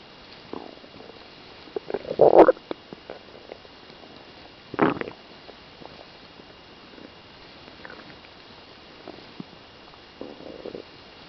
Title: stomach noises